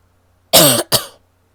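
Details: Two quick, loose, rattly wet coughs from an adult woman, productive-sounding.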